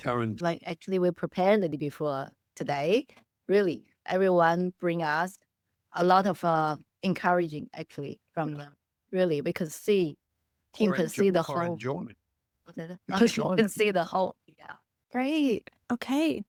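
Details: Adult woman speaking; no disorder.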